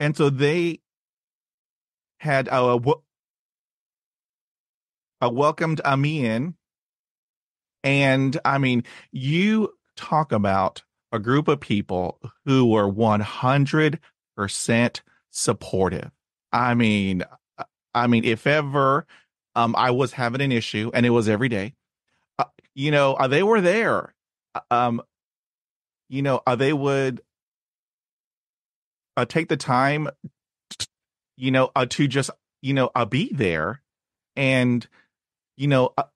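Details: Adult man who has stuttered since childhood, with speech therapy at age 5 and in his 20s; reports blocks and repetitions, especially on cold reads; stuttering.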